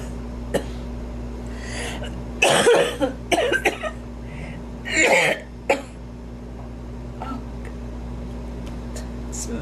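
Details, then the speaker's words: Mature woman coughing while doing her makeup, blamed on allergy: several short, harsh cough bursts with throat clearing and groans in a quiet room. "it's messing up my makeup. God. Damn allergy."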